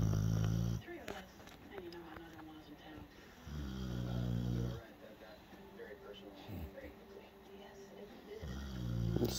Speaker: This snoring is just too cute. And I'm kind of trapped here.